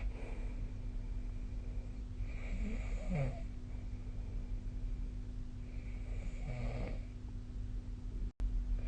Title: 🐽 いびきの音 / Snoring Sleep Sound 2025/05/17